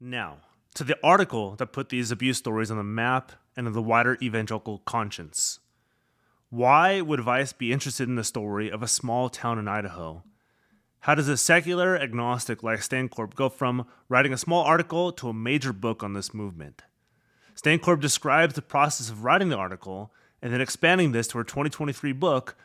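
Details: Adult male narrator; ordinary speech.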